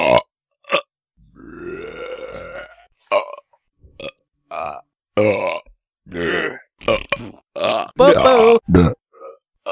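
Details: Repeated burping: a long, drawn-out belch with rising pitch, followed by several shorter bursts of throaty belching sounds.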